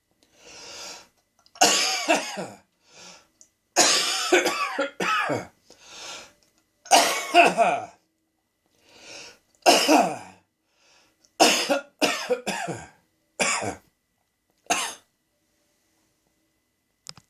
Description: What started as a little tickle in the back of my throat turned into a major coughing fit. I suspect that cat hairs were to blame.